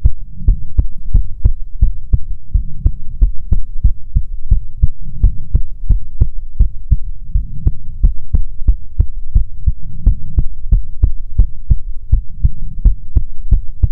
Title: ♡ ASMR ♡ Goth Succubus Fox Girl Gives You Best Heartbeats